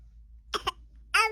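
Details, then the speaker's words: Voluntary fake cough: two quick, light cough bursts put on by a young child who claims to be sick and wants medicine but denies head, belly or throat pain; mother doubts it is real. "It doesn't sound like a real cough to me, though."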